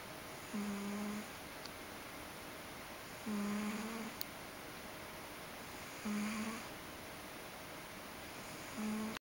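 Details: Ragdoll cat sleeping comfortably: soft, regular humming snores, about 22 a minute, over quiet room noise; ordinary snoring in sleep.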